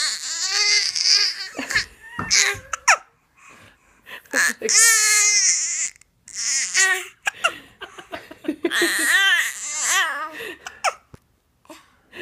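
High-pitched infant crying in several bursts with breaks between them, some sounds near laughter or babble, indoors.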